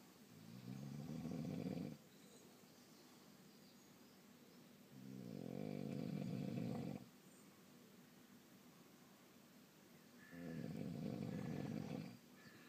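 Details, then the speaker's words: Person snoring loudly while asleep, keeping others awake: rough, low rattling snores on each in-breath, three in about twelve seconds with quiet pauses between, roughly 15 breaths a minute. "no fucking chance of sleeping with that."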